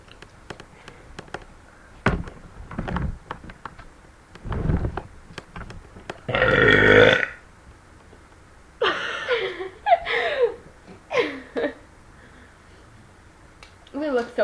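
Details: Two girls burping on purpose: several loud, drawn-out burps with short gaps and quiet room noise; repeated belching.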